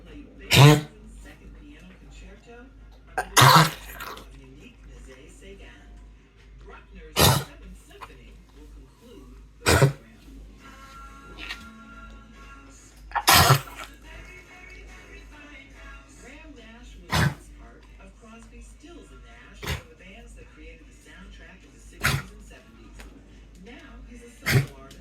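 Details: Dog named Bernie gives about nine short, sharp coughs spread evenly over twenty-five seconds, quiet room noise between; cough.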